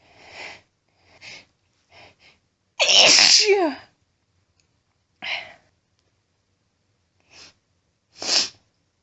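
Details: Woman announcing her sneezes: quick sniffs and breaths build to one loud, forceful sneeze, then more sniffing and a second sharp sneeze; ordinary strong sneezing.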